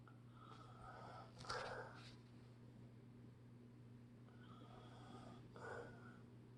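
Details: Mild snoring: soft snorting snore sounds on breathing, two short episodes over a steady background hum.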